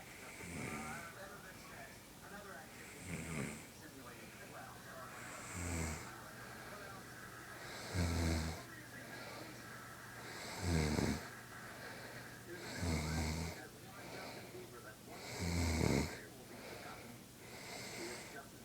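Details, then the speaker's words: A mother snoring in her sleep at 11:42: regular, low, rattling snores about every 2.5 seconds, roughly 24 breaths a minute, over steady room hum. "Well, there it is, Mom snoring."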